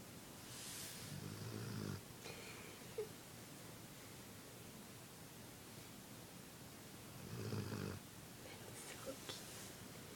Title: Cute Dog Snores While Sleeping :3